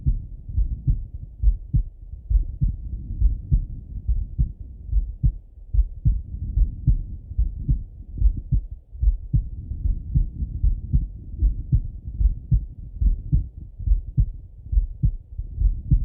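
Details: Male heart auscultation through a stethoscope, recorded either sitting at a desk or lying in bed: low, muffled heartbeat at roughly 70–75 beats a minute with some rubbing noise; normal heart sounds.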